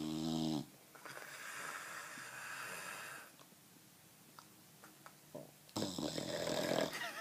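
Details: Bulldog so tired he fell asleep on his back with his mouth open: harsh, rattling, noisy breaths with a snorting start and raspy middle; snoring in a flat-faced dog.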